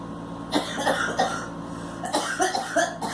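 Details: Girl (child) coughing: two quick runs of short, dry cough bursts over a steady background hum.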